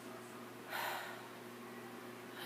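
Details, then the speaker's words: Adult taking deep breaths during a physical assessment with a stethoscope: two soft, airy breaths over a low room hum, clear and symmetric with no crackles or wheeze. Normal breath sounds. "Go ahead. Go ahead. Go ahead. Nice and clear. Symmetric."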